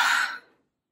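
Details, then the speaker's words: Imitated stage-fright breathing, combined stacked breathing: a single sharp, breathy gasp for air, demonstrating tense breathing during nervousness. "kombinierte stapel also das geht also schnappte nach luft und das wird immer und ich bekomme ja"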